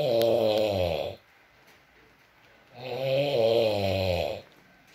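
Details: ASMR recording of a man (boyfriend) snoring in sleep at intervals: two long, loud, buzzing snores about three seconds apart with quiet pauses between; snoring.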